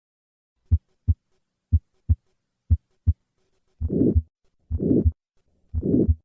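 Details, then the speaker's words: Aortic stenosis murmur heard at the cardiac apex with a change in pitch (Gallavardin phenomenon), still diamond-shaped systolic; teaching recording. "on occasion the murmur of aortic stenosis can be heard at the cardiac apex with a change in pitch a phenomenon described by gallivardin despite this change in pitch the murmur of aortic stenosis retains its diamond shape"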